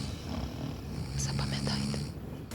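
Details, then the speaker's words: A sleeping woman gives a low, rough snore with snorting, grunt-like sounds on the breath: snoring with grunting. "Оце він, такий храп. І, так би мовити, прихрюкування."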